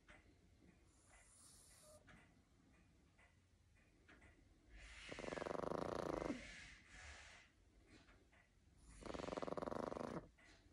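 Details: Boston Terrier snoring while asleep: two loud, rattling snores on the in-breath with quiet breathing between them.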